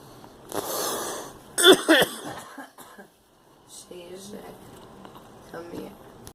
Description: Girl coughing